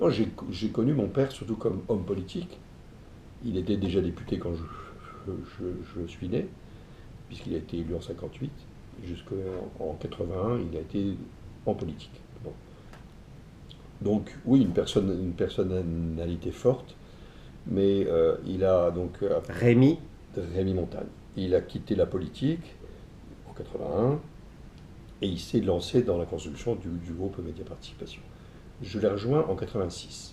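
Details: Stuttering in an adult man.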